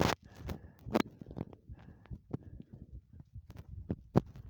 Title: heartbeat sounds while jumping